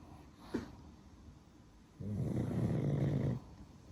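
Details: Pug (one of three) asleep gives a brief snort, then a low, fluttering snore lasting over a second on one breath, in a quiet room.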